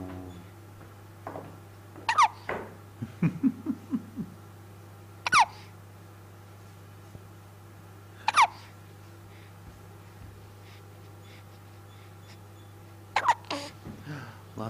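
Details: Baby with repeated hiccups, possibly at mealtime: four sharp, squeaky hiccups about every three seconds, with soft baby sounds in between; infant hiccups.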